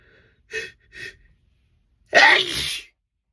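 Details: Single sneeze recorded in a car: two short sharp in-breaths, then one loud explosive spraying sneeze.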